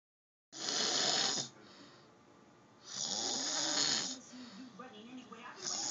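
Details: Harsh, rattling breaths with a hissing edge, repeating about 23 a minute, during sleep: snoring.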